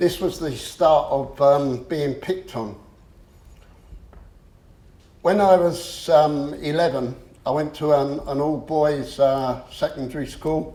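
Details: Adult male who stammers; he reports once swapping words and later using a breathing technique to control it; stammering (stuttering).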